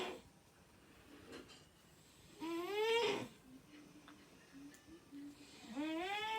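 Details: Intermittent pitched, whistling snores rising in tone during breaths, with quiet breathing between; snoring.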